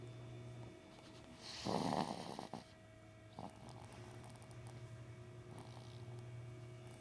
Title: Snoring!